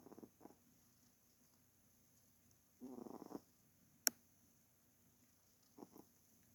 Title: my cat snoring (HAVE TO WARE HEADPHONES)